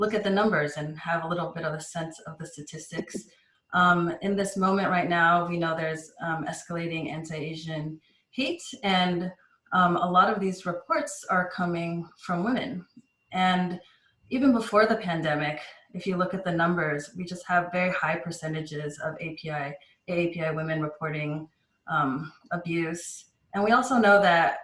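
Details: Adult woman speaking; normal speech.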